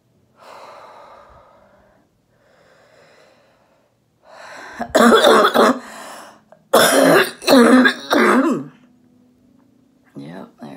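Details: A female orthopedic surgeon recovering at home from COVID-19, voice nearly lost from coughing, performs a "phlegm gym" airway clearance exercise; coughing with heavy breathing.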